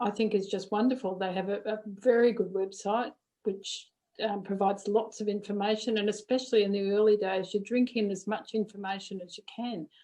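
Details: Adult woman; no disorder.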